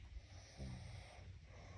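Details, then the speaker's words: Sleeping adult snoring, heard at home: a brief low, rumbling "ghong ghong" snore with faint room noise; the snoring stops soon after. "আর তোমাদের একটা জিনিস শোনাই আরেকজন কেমন ভাবে নাক ডাকছে তোমরা একটু শোনো ঘং ঘং করে"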